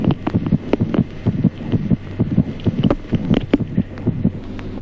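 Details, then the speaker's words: Fetal heart sounds: rapid, soft, regular fetal heartbeats at about 130 a minute, with the maternal pulse heard as a low, soft systolic whoosh. "ejemplo cuarto ruidos cardíacos fetales además pulso materno como un suave soplo sistólico"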